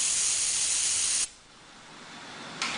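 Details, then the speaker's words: Dental three-way syringe drying a completed root canal access cavity preparation on a maxillary anterior tooth for evaluation: steady loud hiss of pressurized air, stopping and briefly restarting. "Once you have finished the preparation, you are supposed to dry the preparation with a three-way syringe so that you will have a better evaluation of the axis cavity preparation"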